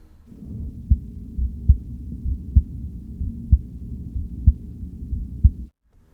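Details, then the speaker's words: Musician's own heartbeat, recorded with a mic placed on his chest: regular low thumps at about 62 beats a minute over a low hum; normal heartbeat. "Okay, so for this song, the song is literally very close to my heart, and I wanted to show that in a very literal way. So what I did was I actually recorded my heartbeat."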